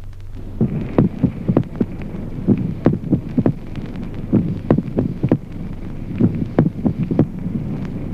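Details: Splitting of the second heart sound in ventricular extrasystoles: an irregular heart rhythm with premature beats.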